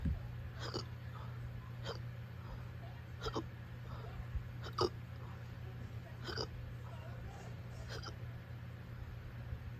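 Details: Uncontrollable hiccups at 5 a.m.: sharp hiccups about every one and a half seconds, roughly seven in ten seconds, over a steady low hum.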